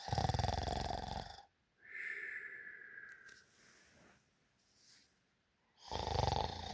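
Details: Realistic human snoring sound effect: loud, rattling snores on each in-breath, separated by a quieter breathy exhale with a faint whistle, repeating about every five seconds.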